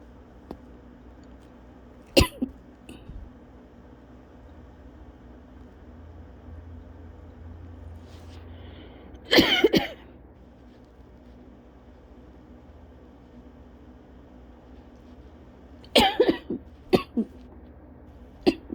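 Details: Person with cough-variant asthma, still coughing after bronchitis a couple of weeks earlier: brief bursts of coughing every few seconds in a quiet room, a persistent, lingering cough.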